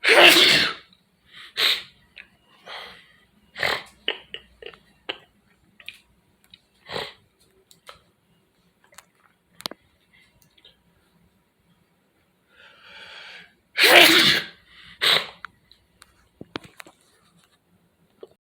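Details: Two loud explosive sneezes, one at the start and one near the end, with quieter sniffs and small noises between them in a quiet living room.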